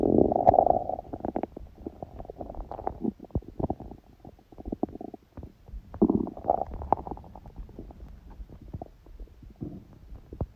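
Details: Hunger bowel sounds (borborygmi) with a sneeze: gurgling, rumbling stomach sounds in irregular bursts with quiet gaps.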